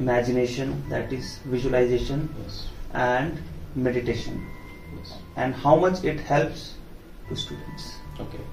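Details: Adult man; typical speech.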